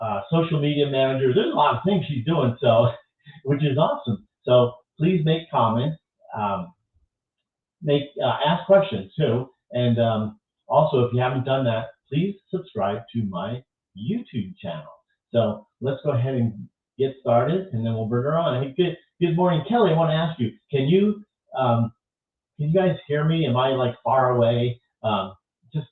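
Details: Adult speaker; normal speech.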